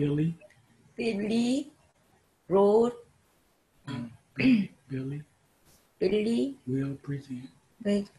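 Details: Person with aphasia after stroke, in online group therapy, fragmented utterance; aphasia.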